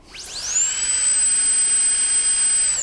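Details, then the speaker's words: Dentalaire Prestige high-speed air-driven dental handpiece run for about three seconds via the foot pedal's large pad after installation on the tubing: a rising, then steady, piercing high-pitched whine; dental drill running. "Once the hand piece is installed on the tubing, you're going to want to run the hand piece for about 3 seconds using the large pad on the foot"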